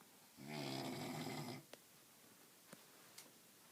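One rough, vibrating snore on the in-breath lasting just over a second, followed by quiet with a few faint clicks.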